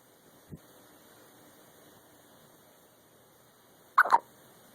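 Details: Nephew with recurrent hiccups after eating: one sudden, sharp double catch after a faint earlier click in a quiet room; hiccup.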